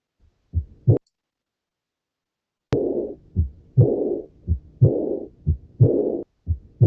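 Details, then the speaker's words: Early diastolic regurgitant murmur from aortic or pulmonary valve insufficiency, starting with the second heart sound at about 60 beats per minute: soft, low-intensity, blowing, non-radiating. Aortic regurgitation is best heard at the accessory aortic focus, third intercostal space, left sternal border. "soplos de poca intensidad, aspirativos, tienen ese carácter, aspirativos, no tienen irradiación. El soplo de deficiencia de la válvula aórtica lo vamos a escuchar mejor en el foco accesorio aórtico."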